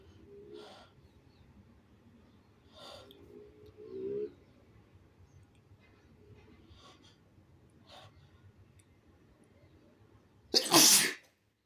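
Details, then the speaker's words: Shirtless person, not a woman: quiet breaths and sighs building up, then one loud explosive sneeze at the end after saying they have to sneeze; sneeze. "I have to sneeze. Finally."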